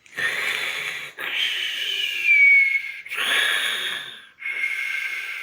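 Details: Sleeping animal, called Machão, snoring heavily: loud, whistling, hissy breaths in a steady rhythm, about four cycles; high-pitched nasal snoring.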